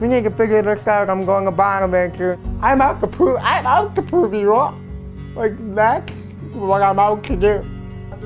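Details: Young adult male speaker; dysarthric speech (cerebral palsy with hearing impairment).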